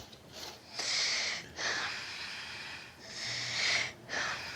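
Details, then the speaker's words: Soft, even breaths in and out, clear with no wheeze or crackles, in a breathless patient at a GP consultation with oxygen saturation 99%; normal breath sounds with no sign of tightening or asthma. "listen listen to your breathing it's it's very clear there's no sign of any tightening or asthma there"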